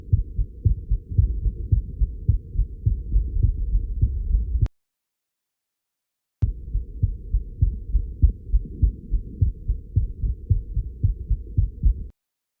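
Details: Adult recording their own heartbeat: fast, strong, pounding low thumps with a brief silent break partway through, felt as nervous pounding without dizziness; rate slowed to 95 after recording. Rapid forceful heartbeat (tachycardia).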